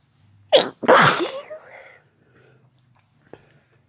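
A single loud, explosive sneeze with a quick in-breath just before it, then quiet.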